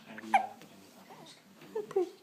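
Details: Newborn girl about one week old with hiccups: a few short, sharp voiced hics.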